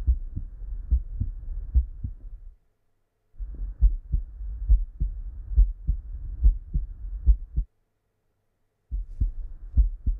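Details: Normal heart sounds (S1, S2) on stethoscope auscultation while the pulse in the neck is felt: regular lub-dub at about 70 beats a minute, clean S1 and S2, no murmur.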